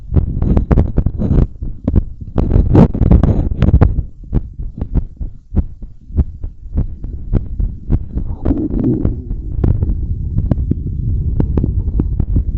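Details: Strong, regular low thumps around 100 a minute over rubbing noise, recorded via a belt-held device on the chest during cardio and balloon blowing: normal heart sounds quickened by exertion.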